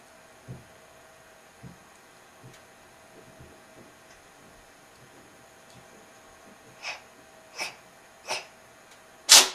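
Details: Cat sneezing and coughing the night before a vet visit: faint snuffles, then four sharp sneezes in quick succession, the last one loudest.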